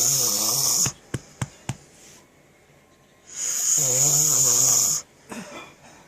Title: Funny snoring